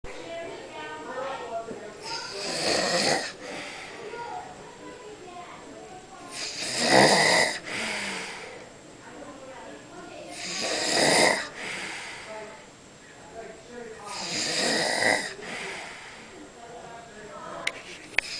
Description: Me snoring after a family reunion lunch haha.